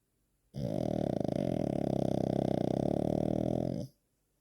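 A single long, deep, fluttering snore lasting about three seconds. Snoring in a flat-faced small dog.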